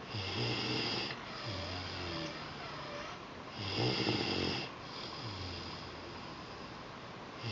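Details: 2 weeks after a second supraglottoplasty: the usual stridor is replaced by a deeper, new snoring sound; snoring.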